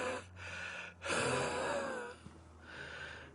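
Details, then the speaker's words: Wheezing with noisy, laboured breaths and a faint whistle on one breath, from a former 9/11 recovery worker who sifted landfill debris. He takes about 20 pills a day and uses 3 inhalers, and grows more winded as he talks. "You gotta go like this, the stuff gets on you. As you can hear me wheezing."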